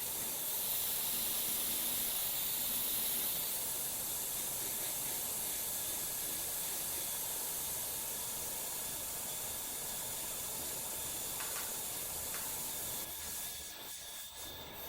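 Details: Steady high-pitched hiss and whine of a dental handpiece polishing a phantom tooth during classic veneer preparation, with a few brief changes in tone near the end.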